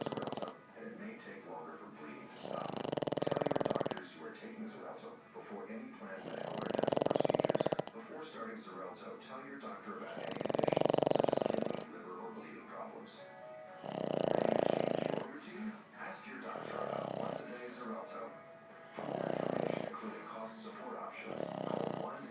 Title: Hobbes snoring